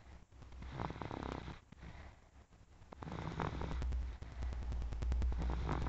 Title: snoring 1